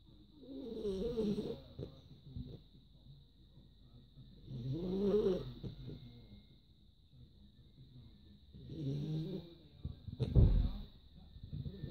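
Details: Snoring in Poppy, a female beagle pup sleeping after a long walk: three slow rattling inspiratory snores, roughly 15 breaths a minute, with quiet pauses between; ordinary dog snoring.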